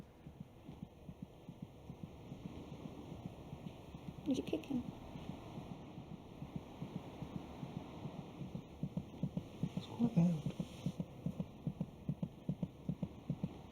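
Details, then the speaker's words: Fetal heartbeat around 26 weeks, beating about twice as fast as the mother's: rapid, regular soft thumps at about 150 a minute over a low muffled hum. "by week twenty six it may just be possible to hear the fetal heartbeat by putting your ear against the mothers abdomen"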